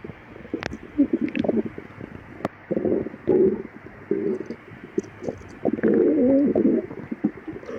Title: Girl stomach growling for 3 days and her boyfriend put his head on her empty stomach